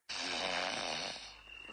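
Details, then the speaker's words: Snoring: a single loud, rattling, low-frequency snore on a breath in, fading at the end. "храп - это специфический процесс сопровождающий дыхание во сне выраженный отчётливый низкочастотным дребезжащий звуком и вибрацией со стороны лоро органов"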